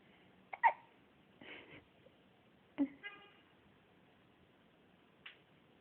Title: hiccups 1